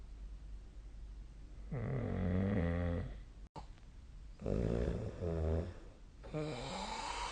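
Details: Snoring recorded during sleep with a snoring app: low rattling snores on two breaths, with a brief dropout between them, in a quiet room.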